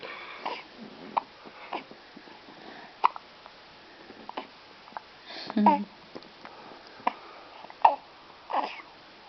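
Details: 2-week-old baby girl with hiccups after a feed: short, sharp, repeated catches about every second, with soft baby sounds between; infant hiccups.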